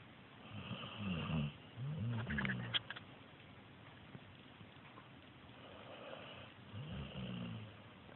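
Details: Soft, low rattling snores in short bursts with faint purring-like fluttering and background hiss; snoring.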